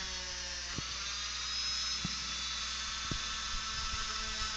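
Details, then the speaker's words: Simulated oral surgery on a 3D-printed model: a dental high-speed handpiece (drill) makes a steady high-pitched whine with sharp ticks as it makes a straight cut at increased speed to section tooth #3, a first permanent molar, with a fan nearby. "I'm going to bring my fan a little closer again there my straight cut straight in you can do this too at home with a fan on"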